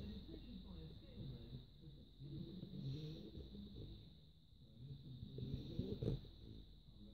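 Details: Snoring in Poppy, a female beagle pup sleeping after a long walk: soft, low snuffling snores over a steady background hum.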